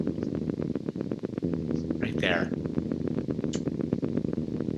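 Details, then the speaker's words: Needle EMG in a man with unilateral tongue weakness and voice loss, needle slightly moved: somewhat irregular but grouped firing, not classic myokymic discharges. "they look like they're prejunctional oriented potentials because they're somewhat irregular but they're kind of grouped firing um not the most classic myyy I've ever seen"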